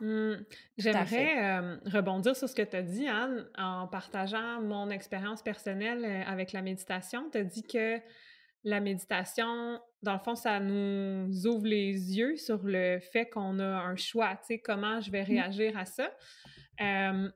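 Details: Adult woman who stutters, previously treated with speech therapy and stuttering modification, who uses meditation to stay present during stuttering moments. Stuttering.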